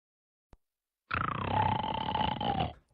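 One loud, rough, vibrating breath lasting under two seconds, after a brief click: a heavy snore.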